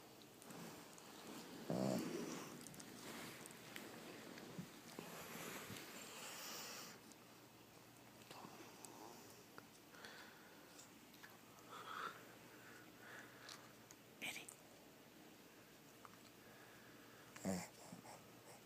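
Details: Female Boston terrier–pug mix sleeping with her eyes open: soft snorting, wheezy snoring breaths with occasional sniffs.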